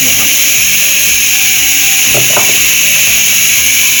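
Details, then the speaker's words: Steady high-pitched hiss of air from the nebulizer outlet of a KSW-5 5-litre oxygen concentrator during a nebulizing demonstration, with a few brief handling clicks; normal device airflow. "ก็ต้องออกมาเลยครับก็จะมีลมออกมานะครับเนี่ย"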